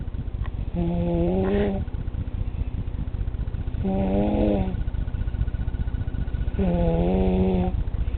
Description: 2 year old with stridor